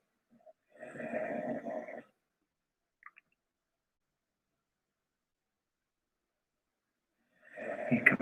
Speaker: probably hear my dog snoring in the background there she is